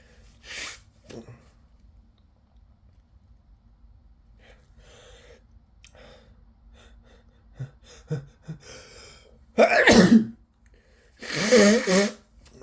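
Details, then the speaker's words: Person sick with a cold, unable to stop sneezing all day, nose itching: several wet sneezes in a row, some with a sharp in-breath before, two wet bursts near the end; a sneezing fit. "I can't stop sneezing so wet yeah oh my God I'm just so sick I've been sneezing all day"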